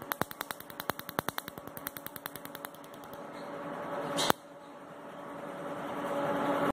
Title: Tattoo Removal in Delhi By MedLite C6 Q-Switched Laser